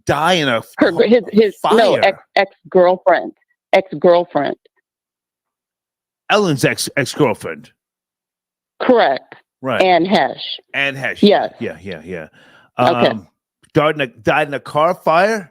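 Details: Adult speakers in conversation; normal conversational speech.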